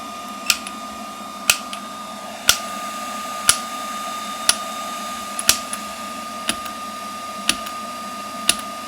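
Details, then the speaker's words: Sharp, evenly spaced clicks at about 60 per minute over a steady electronic hum, from an extracorporeal shock wave therapy (ESWT) device on preset mode C, applied to the wrist of a user with tendonitis and rheumatoid arthritis; the device counts the impacts. "and then you hit start and it automatically counts the impacts and it will shut off when it's when it's at the designated time"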